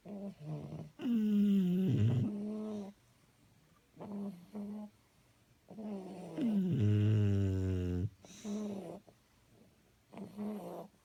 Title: Snoring Bullies